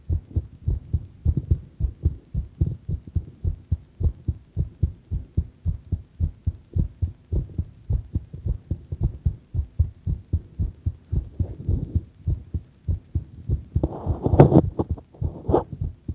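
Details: Heart sounding a bit faster: steady rapid low heart thumps with a brief rubbing noise near the end; fast heartbeat.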